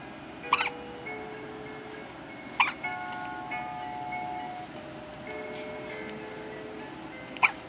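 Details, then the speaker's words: Someone called "cutie" and hiccuping again gives three sharp, abrupt hiccups spaced several seconds apart over soft chiming background music. "היי חמודי. שוב אתה מגייק לנו, אה? מה יהיה?"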